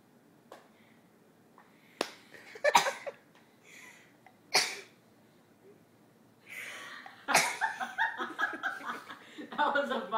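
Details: Child's funny sneezes: a few sharp, explosive sneezes, then voices and talking in a small room.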